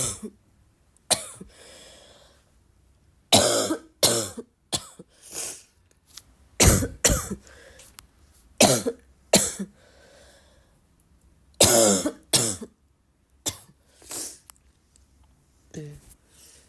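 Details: Girl coughing on waking, described as a barking cough: repeated harsh coughs, singly and in pairs, with quiet breaths between, a coughing fit.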